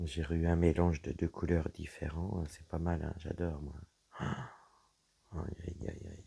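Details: Woman whose vocal cords were damaged by a serious health problem; her voice is deeper than before, at times she has little voice, and she cannot speak loudly; low-pitched, creaky voice; dysphonia.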